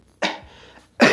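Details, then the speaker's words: Deliberate normal cough by an adult, the first step in a beatbox cough-snare lesson: two sharp, noisy cough bursts. "तो बेसिकली कफ स्नेयर करने के लिए क्या करना पड़ता है, हमें अपना पहले तो खांसना पड़ता है नॉर्मली।"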